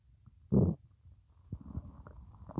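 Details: Morning hunger: a loud low gurgling rumble followed by softer bubbling gurgles; ordinary stomach growling (borborygmi).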